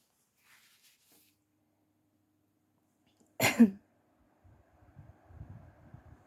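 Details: A single forceful sneeze on waking while still sleepy, followed by soft rustling and breathing in a quiet room; throat also tickly with coughing: a morning sneeze.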